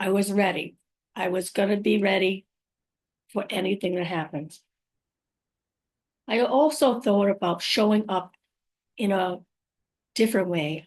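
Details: Woman five years after a stroke, who says she has aphasia, apraxia of speech and dysarthria; aphasia with apraxia of speech and dysarthria.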